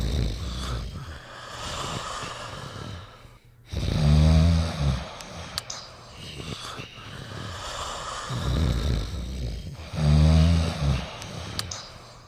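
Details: Two sleeping dogs giving loud, slow rattling snores with long breathy out-breaths, about ten breaths a minute, in a small room: ordinary snoring.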